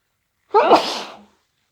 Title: Induced hayfever sneezes